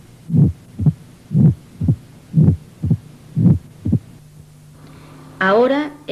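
Four low rumbling sounds at about 60 a minute, each building up and ending in a sharp first heart sound, followed by a short quiet gap. This is the presystolic murmur of mitral stenosis, produced by atrial contraction pushing blood through the narrowed valve. Brief music at the end.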